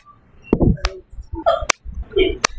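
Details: Several sharp cracks and clicks of joint noise during movement, presented by a physical therapist as joint popping or cracking.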